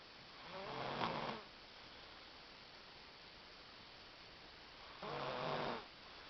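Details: Female snoring while asleep, though she says she doesn't snore: two soft, rattling snores about four seconds apart, separated by quiet breathing, over steady room hiss.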